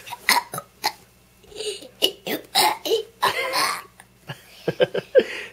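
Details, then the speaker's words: Young boy who can burp at will: a rapid run of short, throaty belches, some drawn out, made on purpose; voluntary burping. "can just do that anytime you want you can just make yourself burp that's disgusting"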